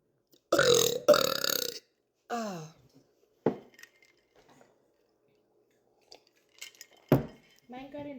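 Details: Burping after lunch: two loud, raspy belches, then smaller burps and quiet sounds in a room.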